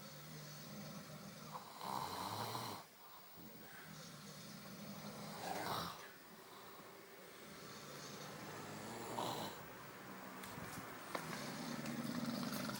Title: Snoring a bit